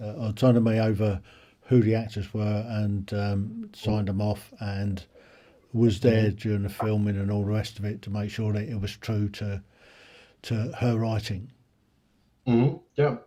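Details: Adult man speaking; normal speech.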